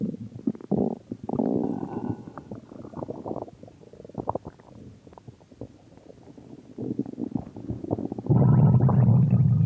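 Low gurgling and rumbling bowel sounds, varying in pitch and loudness; ordinary stomach growling.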